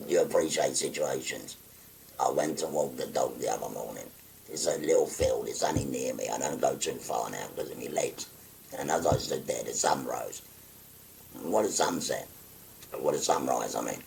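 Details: 57-year-old man, real patient, after total laryngectomy for stage four laryngeal cancer, speaking through a voice prosthesis (voice valve) by occluding his neck stoma with a button; tracheoesophageal speech after total laryngectomy.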